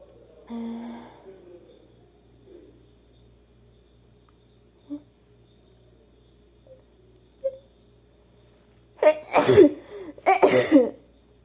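A quiet stretch with small sounds, then two loud, explosive sneezes close together: ordinary sneezing.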